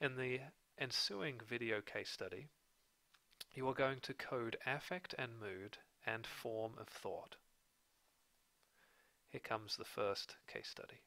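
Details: Adult male narrator; normal speech.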